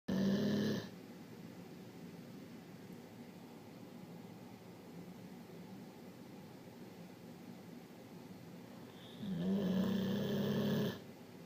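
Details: Dog asleep at night with its owner: two low, rumbling snores about nine seconds apart, with quiet room noise between them; ordinary snoring during sleep.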